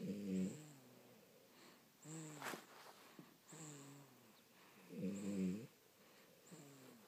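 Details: Young child and his father snoring together in sleep: rhythmic, low, buzzing breaths about every 2.5 seconds, with a softer second snore between them. Snoring.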